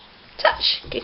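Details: Female dog Cherry sneezing on command after clicker training: a brief, sharp, hissing burst of air, a harmless learned sneeze.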